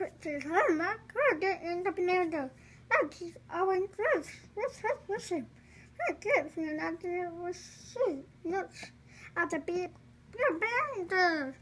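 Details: Vocal tics produced while speaking Dutch by a single speaker.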